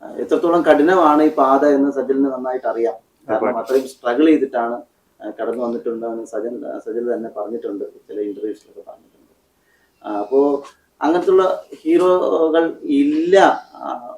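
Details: Adult male speaker, interview; Normal conversational speech.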